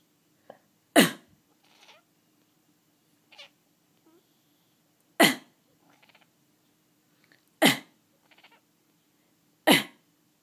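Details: Four sharp, loud coughs from a person, each followed by a short meow from a cat named Gus, who meows whenever the person coughs; plain repeated coughing.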